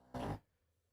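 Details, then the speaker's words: Dog snoring in a quiet room during a live stream: a single short, rough, low snorting breath sound that rises and fades. "you hear that snoring that's not me folks that's that's a dark"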